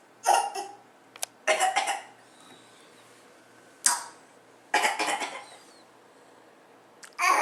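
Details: Young child deliberately giving four forced, dry cough bursts, a playful fake cough practiced to feign sickness rather than from illness.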